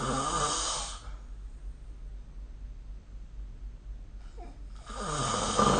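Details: Loud, rough breathing noises separated by a few seconds of quiet, recorded during sleep with the SnoreLab smartphone app: snoring.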